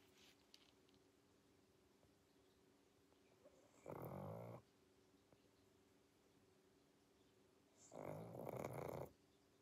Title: | SLEEPING WITH A PUG | Pangpang the Pug 2021 pug sounds, snoring and snorts |